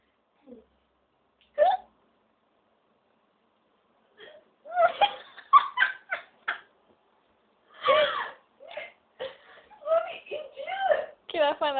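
Short sharp vocal hiccup sounds scattered between bursts of talk and laughter in a small room; hiccups.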